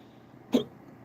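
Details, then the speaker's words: Single sharp, abrupt gulping sound in a quiet background from an adult livestreamer who says they have had recurrent hiccups that day: hiccup. "Yep. You can hear I got the hiccups. which is which is more than I can say because this morning when I was at work I had the hiccups"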